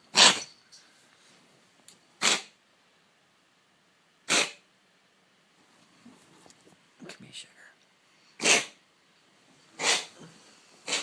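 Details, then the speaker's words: Male cat on antibiotics for about 3 months, episodes 1-3 times daily, clear watery nose in mornings; owner unsure if cough or reverse sneeze: slow, repeated sharp expulsive bursts about every two seconds, longer and slower than usual episodes. "oh honey never get this for this long usually he gets this a lot harder and more Fierce like faster and then but it only last like 10 seconds"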